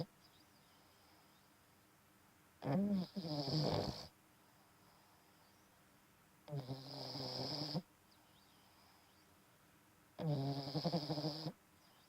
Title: Snoring Bulldog Puppy